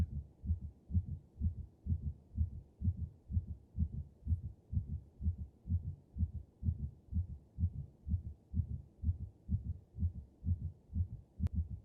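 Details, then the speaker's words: Canine auscultation trainer (simulator) heard through a stethoscope, played after a normal heartbeat: rapid, regular heart sounds at about 125 beats a minute, demonstrating tachycardia (fast heartbeat). "So starting out with, I'm just going to play a normal heartbeat for you. Now let's do a fast heartbeat."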